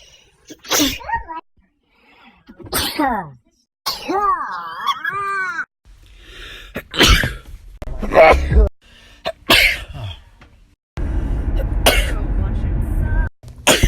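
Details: Sharp sneezes from several different people, some with a drawn-out voiced build-up before the sneeze, separated by brief music and noise; a compilation of sneezing.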